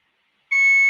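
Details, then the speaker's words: IV infusion pump alarm in a son's hospital room around 6 a.m.: after silence, a loud, steady high-pitched electronic tone sounds. "the sitter person came over and punched in a code that turns off the buzzer for a few minutes right"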